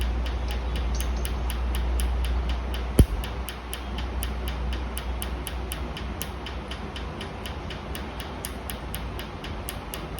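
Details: Rapid regular clicks, about 220 a minute, over a steady low machine hum as a laser fires pulses during a session removing a dark tattoo that is expected to need 4–5 sessions; laser tattoo removal pulses.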